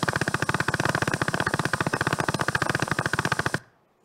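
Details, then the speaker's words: Needle EMG showing normal motor unit potentials, biphasic or triphasic, firing in a characteristic regular rhythm. The sound is rapid, steady crackling pops like a fast motor that stop abruptly; firing slower than about 4–6 Hz would not be a normal motor unit. "It can be biphasic or triphasic. So you can recognize this by not just its shape, but hearing the firing pattern."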